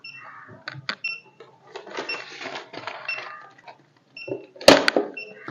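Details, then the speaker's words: Uniwer UMS 7E3 Plus 3-channel ECG machine with 7-inch touchscreen printing its report after the print button is pressed, once all leads are connected: uneven mechanical whirring and ticking with a few short beeps; printout shows 12 leads plus a long lead II rhythm strip. "Print button press ചെയ്തു കൊടുത്തു കഴിഞ്ഞാൽ print ചെയ്ത തരും"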